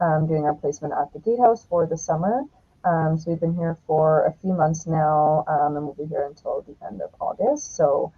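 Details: Adult woman speaking; normal speech.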